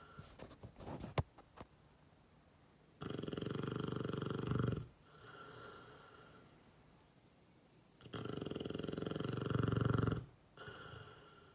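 Loud, long rattling snores on each in-breath, about a dozen breaths a minute, from a sleeping dog.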